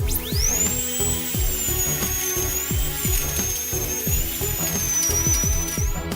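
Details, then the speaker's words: High steady whine of a dental drill with intermittent lower grinding and clicks over background music: slow-speed, saline-cooled thicker implant drill enlarging the hole in jawbone. "Now gradually change to a thicker drill to enlarge the hole The speed of the rough drill must be slow. Otherwise, it will cause friction heat Burn out osteocytes"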